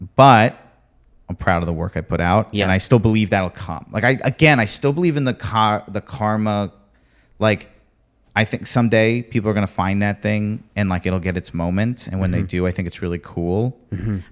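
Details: Adult man; typical speech.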